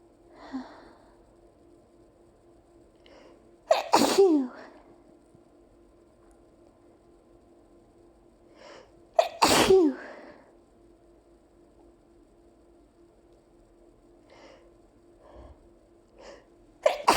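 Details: Allergy sneezing after opening windows on a hot summer day, with a nonstop nose tickle for two minutes: repeated forceful sneezes, each preceded by a quick inhale, about three over seventeen seconds.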